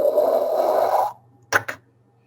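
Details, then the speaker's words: Vocal imitation of a systolic murmur heard through a Littmann stethoscope; a breathy whoosh followed by two short thumps, showing the murmur heard before the closing sound. "Entonces es sistólico."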